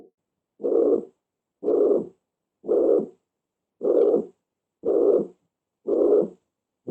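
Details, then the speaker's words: Heart recording of mitral insufficiency, heard at the fifth intercostal space on the left midclavicular line (mitral area): a systolic murmur. "quintos pases de costar línea medio clavícula izquierda a quién estamos hablando entonces de la válvula mitral y entonces que descubrí de la válvula mitral y entonces que creen que sea una insuficiencia o un 11 una insuficiencia muy bien"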